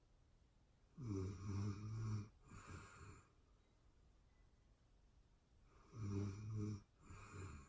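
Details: Real-time recording of a person asleep, excerpted from a longer session: two pairs of low, rattling snores with a pause between; an adult snoring in sleep.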